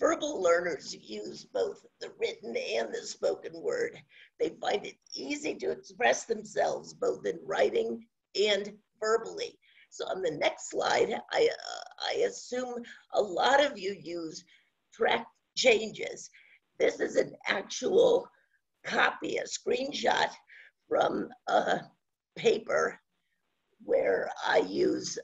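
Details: Adult woman with scratchy voice from spasmodic dysphonia, onset around 2010 and progressively worsening, no cure; her Botox injection was postponed by the doctor; spasmodic dysphonia.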